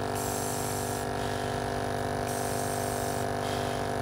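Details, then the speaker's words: AllNeb breath-actuated nebulizer on an Apex compressor, filled with water, switched to continuous mode by the top button: steady mechanical hum with constant hiss of aerosol bursting out continuously. "secondly if you want to switch to continuous mode you can always by pressing the top button right here and you can see the aerosol will be bursting out continuously"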